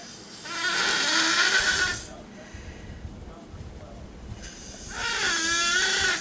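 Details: Two loud, harsh rattling snores on the in-breath, separated by a quieter out-breath, in a quiet room where a dog, a cat and a woman sleep in a chair; the snorer is unclear.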